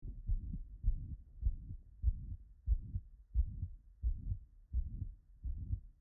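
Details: Digital auscultation: regular heartbeat near 88 a minute with a soft blowing diastolic murmur after each beat; aortic regurgitation early diastolic murmur.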